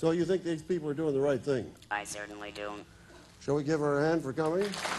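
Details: Adult male host speaking to an audience; typical speech.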